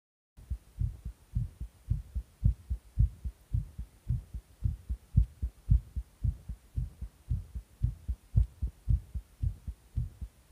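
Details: Tachycardia after stimulant use: fast, regular, thumping heartbeat at about 111 beats a minute.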